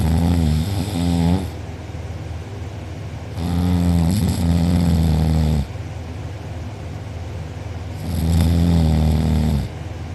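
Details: Very loud, low, rattling snores on each inhalation, roughly three in ten seconds, with quieter breathing between, from a sleeping person with mouth open and drooling, who later reported a sore uvula and soft palate.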